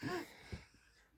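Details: Sneeze from a 9-month-old (288-day-old) infant with a month-long cold and runny nose: a brief voiced burst followed by a small second puff.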